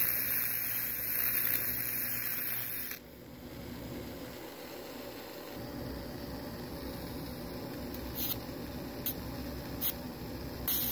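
Steady electrical hiss and hum with a few short clicks from a surgical diathermy machine running.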